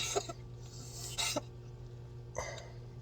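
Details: Female cat, not eating and being syringe-fed to stay hydrated, with an illness in her lungs for under seven days: three short, soft, wet sneezes over a steady room hum.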